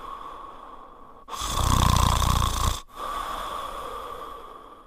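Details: French Spaniel dog asleep and snoring; a loud, rumbling snore on one breath with a steady whistling tone in the quieter breathing around it.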